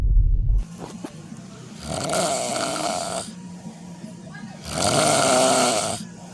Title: Snoring Sound Effect (No copyright)